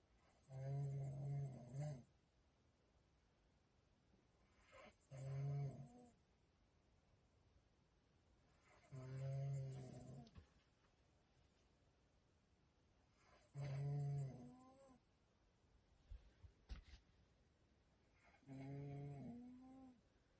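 Five deep, low rumbling snores in about 20 seconds, roughly 13 breaths a minute, each separated by quiet pauses.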